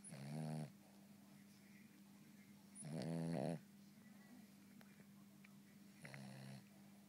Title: Cavalier snoring